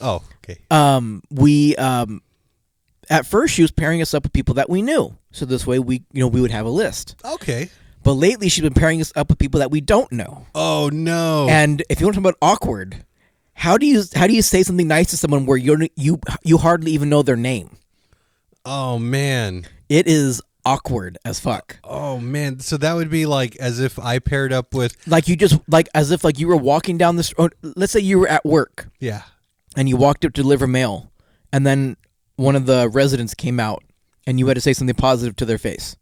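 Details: Adult male podcast co-host with his own stutter, which he says comes out more in awkward situations and sometimes even when he feels confident; stuttering.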